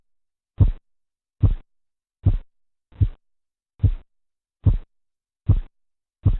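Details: Korotkoff sounds (tapping, swishing, knocking, muffling) heard through a stethoscope over the arm as the aneroid or mercury manometer cuff deflates during blood pressure measurement in a teaching recording; eight low, regular tapping thumps at about 72 a minute.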